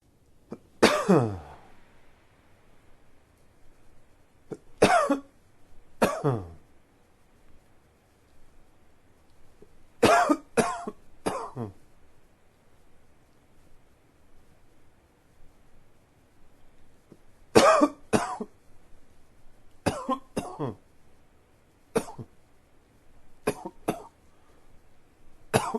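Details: An adult with ongoing allergies gives repeated short, sharp coughs in small clusters; an allergic cough.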